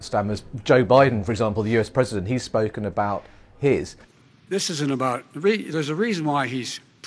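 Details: Adult male speaker (interviewer); Normal fluent speech.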